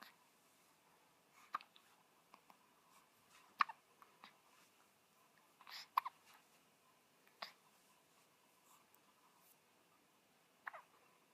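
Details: Seven-day-old newborn girl with hiccups: soft, brief hiccup sounds repeating irregularly, about 25 a minute, in a quiet room.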